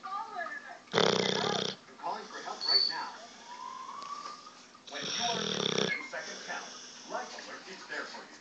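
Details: Dog snoring in sleep, recorded on an Android phone: two loud, harsh snoring bursts separated by quieter snuffling breaths, with faint background noise.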